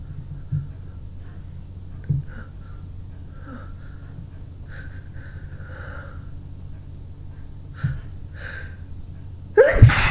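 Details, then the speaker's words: Person with a tickling nose, runny nose and eyes, and a sore throat from repeated sneezing: quiet sniffs and catchy in-breaths build up, then end in one forceful sneeze; sneezing. "Oh, my throat is hurting from all the sneezing. It's so powerful."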